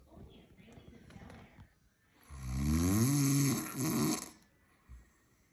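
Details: Snoring: one loud, drawn-out snore with a rising buzzing tone on the in-breath, then quiet.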